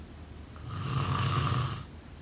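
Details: Snoring during sleep: a single low, rattling snore on an in-breath, lasting about a second.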